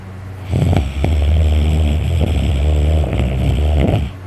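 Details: Very tired person snoring loudly in sleep, with a sore throat from the snoring: a loud, deep, rattling snore and heavy breathing sustained through a long inhalation.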